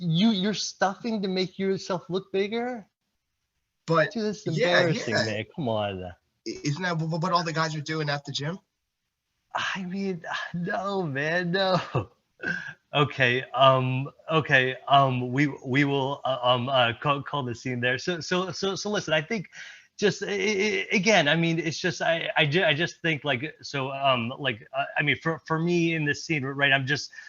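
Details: Presenter at a stuttering-community event, speaking with repetitions. Finding: stuttering.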